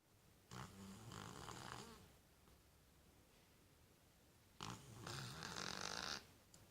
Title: My Cat Snoring in a Cardboard Box